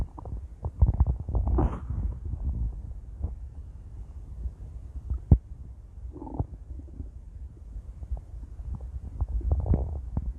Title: intense stomach growls..